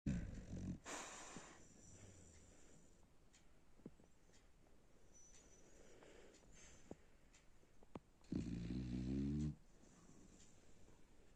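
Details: A sleeping dog snoring: two low, rattling, throaty breaths about eight seconds apart, with faint clicks between them in a quiet room.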